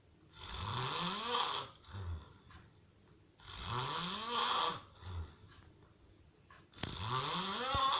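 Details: Real (not a prank) recording of heavy snoring: loud, harsh, rattling snores on each in-breath, about 19 a minute, with short snorts between.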